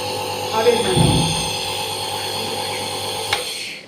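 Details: Home nebulizer compressor, loaded with half a respule plus normal saline for a young boy, switched on: steady mechanical buzzing hum starting up and running, with a brief click near the end.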